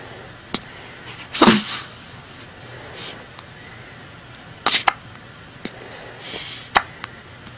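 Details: Infant girl around 1 week old: about six brief sharp hiccups at uneven intervals over several seconds, quiet room noise between; hiccups.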